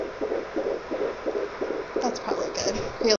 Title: Baby Heartbeat